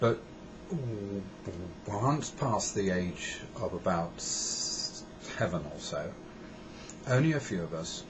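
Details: Adult man who has a stammer, which he describes as a neurological condition with days of unrelenting struggle to speak; stammering speech.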